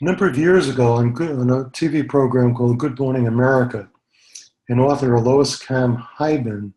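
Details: Adult male speaker; normal speech.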